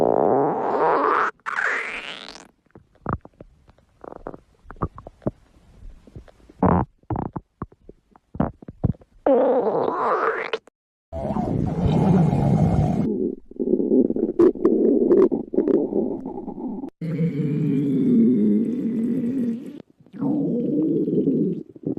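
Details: Loud, irregular stomach growling with gurgles, rising squeaks and long low rumbles: ordinary bowel sounds (borborygmi).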